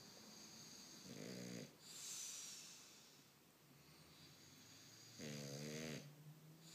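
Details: English Bulldog sound asleep and snoring: two rough, buzzing snores, each under a second, separated by quieter breathing over a hissy background.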